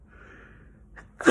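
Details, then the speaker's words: Adult sneezing repeatedly while talking to camera; ordinary sneezes. "geez okay I feel like that's a normal thing to sneeze while you're talking to your peoples"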